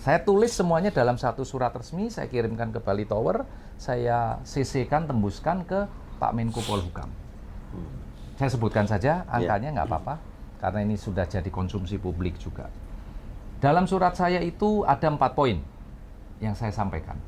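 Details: Adult male speaker; normal speech.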